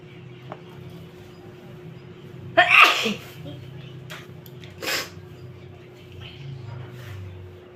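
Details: One loud explosive sneeze, then a second smaller burst, set off by dusting, against quiet room noise.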